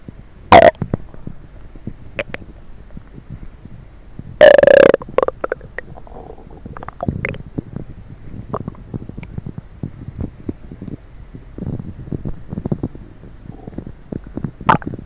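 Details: Borborygmi after drinking coffee and diet coke: gurgling and rumbling stomach noises with a few loud squeaky bursts as gas and fluid move through the gut.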